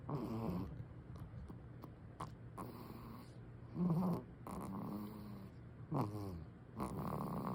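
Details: Soft, rhythmic snoring with rattly breaths about every 1.5–2 seconds from a baby napping; infant snoring.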